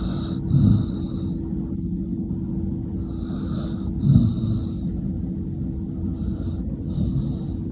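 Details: Sleeping Pit Bull dog snoring: slow rumbling snorts about every three seconds over a steady background hum; snoring.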